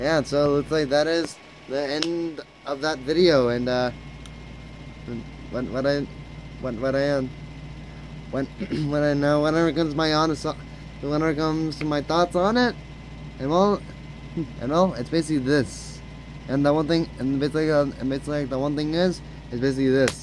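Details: Frequent stuttering in a male speaker, with heavy word repetitions.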